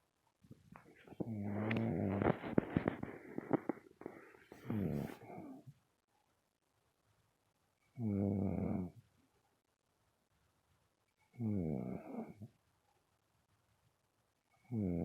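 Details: Rhythmic rumbling snores with a whistling edge, recurring about every three and a half seconds with silent pauses between; snoring during sleep.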